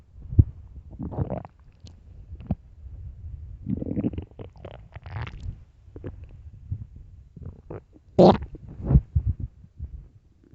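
Loud, deep, irregular gurgling and rumbling from the belly, with low growls and bubbling; ordinary stomach growling on an empty stomach.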